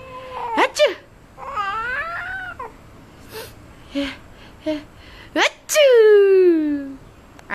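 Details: Two sharp pretend sneezes, each with a sliding voiced sound, from an adult with flu, made to amuse a laughing baby; soft infant babbling between them.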